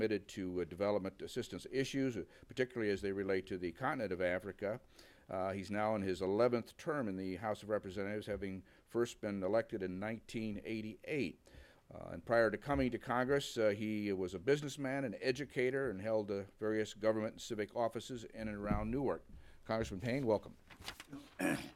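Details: Adult male speaker; Normal voice.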